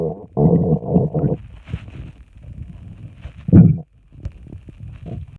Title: stomach rumbling too much